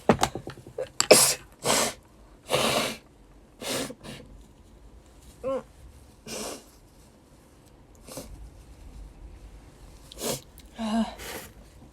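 Sharp, explosive bursts of air separated by brief pauses, repeated several times: a series of sneezes, a normal reflex clearing the nose.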